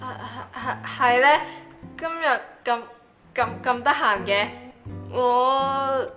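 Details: Acted drama: schoolgirl who has stuttered since birth reads her essay aloud with sound and word repetitions; stuttering.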